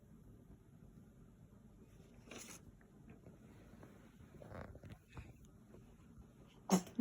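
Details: Three-day-old newborn baby girl: small, sharp sneezes in a quiet room; an ordinary newborn sneeze.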